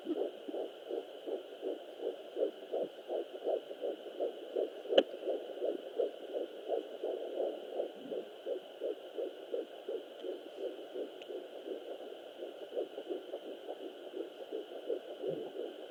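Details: Fetal heartbeat at 11 weeks 4 days of pregnancy on a Sonoline B fetal Doppler: rapid, steady whooshing pulses about 165 to 170 beats a minute.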